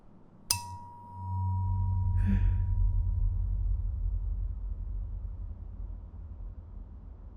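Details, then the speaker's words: Acted (ASMR roleplay) cranial nerve exam: a struck tuning fork is placed on the bone behind the ear for a bone conduction hearing test. It rings with a steady pure tone that slowly fades; the result is normal. "I'm placing this against the bone just behind your ear now. You'll feel a slight buzzing. Tell me when the sound fades completely."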